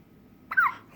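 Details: Hiccups in a 6-day-old newborn boy: a single short, sharp voiced catch, one hiccup.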